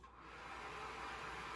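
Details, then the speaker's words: CPAP (positive airway pressure) machine for snoring/sleep apnea, set at 4.0 cmH2O: steady loud rushing hiss of air blowing freely from the mask just after removal from the face. "자, 이렇게 제가 자는 동안 이 녀석이 코에다가 바람을 쫙쫙 쏴주는 거예요."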